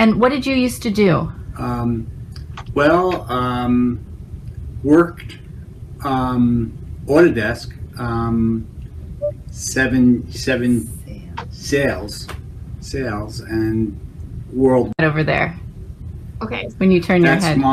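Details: Expressive (non-fluent) aphasia in a man seven years after a stroke, with obvious word-finding gaps; interviewer's questions are heard mixed in.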